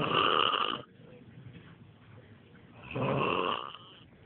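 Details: Father snoring while sleeping outdoors on a trampoline: two loud, buzzing, rattling snores on inhalation separated by quiet exhalation.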